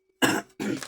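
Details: A short harsh cough followed by rougher throat clearing from an adult woman.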